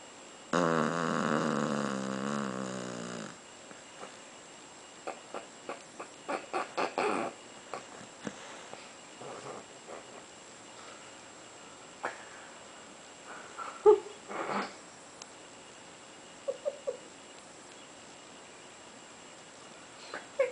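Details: A pet, Lily, fast asleep, gives one long buzzing snore, followed by soft clicks and rustling.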